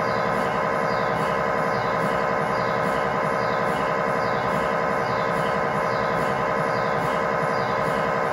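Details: Loud, steady, rhythmic buzzing and knocking, about 92 pulses a minute, from an MRI scanner during a test tibia/fibula (lower leg) scan with a GE high-definition lower-extremity coil (stated as 8- or 16-channel), in a controlled environment; normal machine noise.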